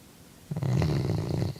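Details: Chocolate Labrador dog asleep: a single deep, rumbling breath sound; snoring.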